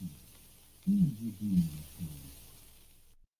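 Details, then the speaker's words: Speech filtered to keep only a narrow band of low frequencies, simulating how it sounds with severe hearing loss; nearly unintelligible. "once more and this time we are removing more frequencies so that we are simulating speech as it is heard by someone with a severe hearing loss or in other words someone with sensitivity to sound only in an extremely narrow range in the lower frequencies you will find speech is now almost totally unintelligible"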